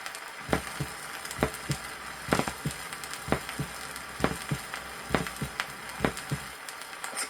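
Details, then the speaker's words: Teaching record from the USSR, 1963: normal heart sounds, regular paired sounds about 66/min over the tricuspid area. The first sound is longer, lower and loudest at the apex; the second is loudest at the heart's base. "в норме выслушивается два тона акустически первый Тон продолжительнее и ниже второго первый тон громче выслушивается на верхушке а второй тон на основани сердца"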